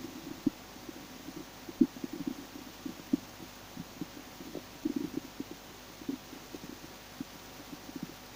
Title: im starving, listen to my stomach growling, ich habe Hunger, hört mal wie mein Magen knurrt 😁💓